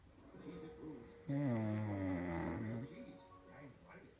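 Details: Snoring mother: one loud vibrating, droning breath between softer voiced sounds; snoring.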